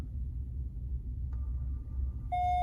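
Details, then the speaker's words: Soft tone, then louder steady electronic beep over low room rumble: a Medfusion 3500 syringe pump with a 20 cc syringe confirming a 10 mcg/kg (800 mcg) bolus over one second before returning to its set rate. "bolusing it's done and then it'll default back to the rate you had it before"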